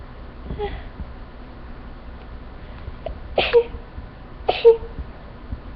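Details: Sneezing fit that started after walking into a room with flowers, the nose seemingly not agreeing with them; the end of the fit: a faint sound then two small, quick sneezes over a few seconds, against steady room noise.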